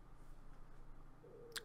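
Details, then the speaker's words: Brief faint tonal gurgle and small click over low room hum, from an adult who skipped breakfast; stomach growling (borborygmi). "did you hear that that's my stomach I really should have eaten breakfast"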